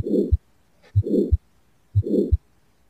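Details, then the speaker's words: Simulated heartbeat from the Littmann Sound Builder iPad app with a harsh crescendo whooshing murmur between the first and second sounds; aortic stenosis murmur. "And I wanted to show you the aortic stenosis that we talked about."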